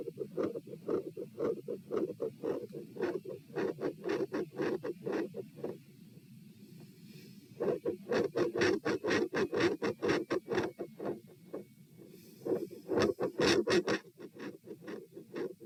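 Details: Heart sounds recorded at chest position P during a lie-stand-lie postural stress test (84-120-126-78 bpm): fast, loud, dense beats at about 120 a minute with sudden drops and rises in loudness.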